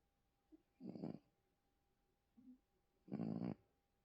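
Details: Two soft, low rumbling snores about two seconds apart with faint small sounds between them; gentle snoring from a sleeping little male.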